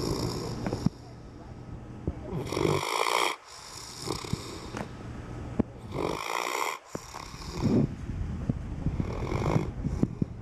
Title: Dog Snoring